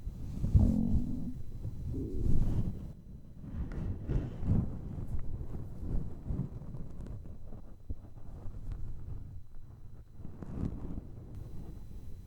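Low, irregular gurgling and rumbling from an empty stomach, a normal hunger growl.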